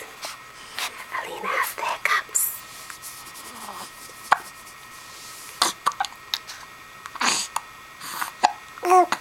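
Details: Brief, sharp catching sounds recur among a young girl's babbling and whispers; she gets hiccups daily, even hourly: hiccups.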